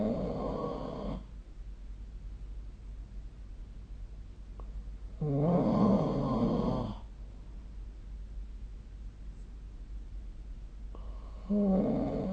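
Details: Snoring recorded with the SnoreLab smartphone app: rough, rumbling snores on breathing in, two to three over twelve seconds, with quiet breathing between and faint room hum; ordinary snoring.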